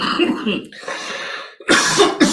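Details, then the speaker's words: A few short, harsh coughs with breathy intakes between them, from an adult who is sick and says they have bad chest congestion and are taking NyQuil. "I'm sick you can hear me my cough that's nothing compared when you get sick"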